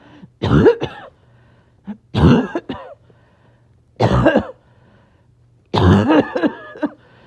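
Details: Back-to-back fits of harsh, repeated coughing in four separate bursts with quiet pauses between, clipped together, from a person who is a little short of breath; coughing fits.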